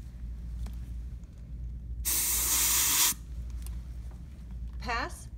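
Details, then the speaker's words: Dental air-water syringe in a root canal procedure demonstration on an upper front tooth: a steady one-second hissing spray as the assistant rinses and dries the mirror and preparation during access with the handpiece. "assistant will use the air water syringe to keep the mirror dry and rinse if necessary"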